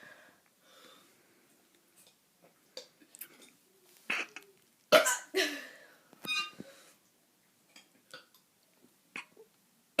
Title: Kid doing crappy burps 28